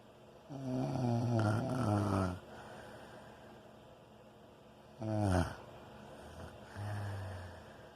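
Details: Loud, rumbling snores on two inhalations, each a low rattling drone with quieter breathing between; heavy snoring.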